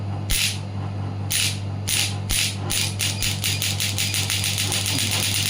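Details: A pneumatic (air-compression) shockwave therapy device is demonstrated as its frequency is adjusted between minimum 1 Hz and maximum: sharp mechanical clacks, widely spaced then speeding up, over a low electrical hum.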